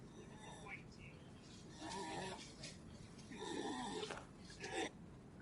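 Harsh, honking bursts of a dog's cough, like a goose or duck, over room noise: the goose-honk sound of tracheal collapse.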